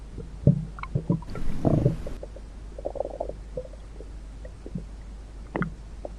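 Low gurgling rumbles and bubbling pops from the stomach, ordinary bowel sounds, over a steady low hum.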